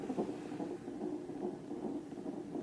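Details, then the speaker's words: Irregular low whooshing and rustling bursts from a fetal monitor on a pregnant mother during an emergency hospital visit, the swishing of the baby moving. "All that noise is him moving. That's him moving?"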